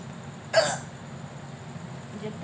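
One short, abrupt, clicking gulp of voice against a steady background hum, a single hiccup.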